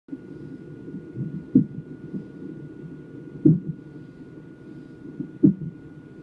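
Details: Fetal hiccups picked up on a Doppler fetal monitor during a non-stress test: sharp rhythmic jolts about every two seconds over steady Doppler whooshing.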